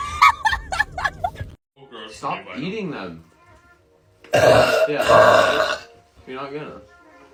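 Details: Compilation of several young women on TikTok burping: repeated long, rough, croaking belches mixed with brief speech, laughter and background music; burping.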